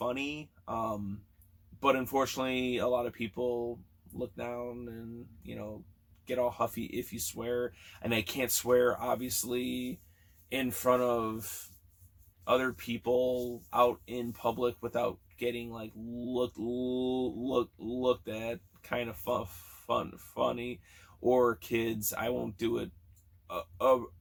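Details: Stuttering in a man almost 40 who has stuttered since childhood, with sound and word repetitions in this stretch.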